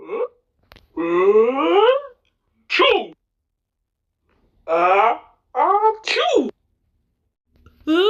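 Cartoon voices act out drawn-out 'ah-ah-choo' sneezes, rising wails ending in short bursts. This is an imitation, not a real sneeze.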